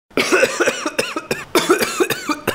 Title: Heavy Cough Flees Away